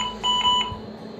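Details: Philips Esprit ventilator powering on after connection to the electrical supply: a short electronic start-up beep, a normal start-up signal.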